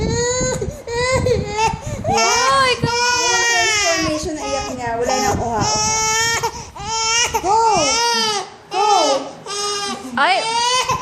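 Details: Infant crying in repeated loud wailing bursts with brief catch breaths, deliberately made to cry for recording, adult voice speaking softly over it; infant crying.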